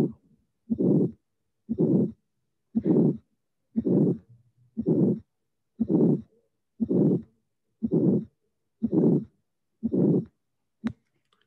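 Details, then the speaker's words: Hypertrophic cardiomyopathy, case one, with predominant systolic obstructive component: harsh, regular systolic murmur bursts about 59 a minute. "In the case number one, the systolic obstructive component is prevalent. The other one is the mitral regurgitation component."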